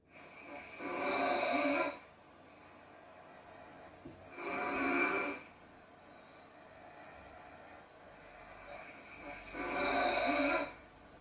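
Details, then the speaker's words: Loud snoring recorded overnight with the SnoreLab app from a habitual heavy snorer, at baseline before testing an anti-snoring nasal device: three loud, harsh inspiratory snores every four to five seconds over room hiss, from a loud snoring phase. "이분의 수면 데이터를 보면 저강도로 52% 정도의 코를 골고 매우 큰 소리로 9% 정도. 지금 들려드린 부분은 큰 소리로 골 때의 소리입니다."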